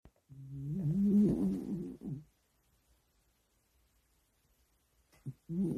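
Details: Sleeping dog snoring: one long, loud, rumbling and gurgling snore, then a pause and the start of the next noisy breath.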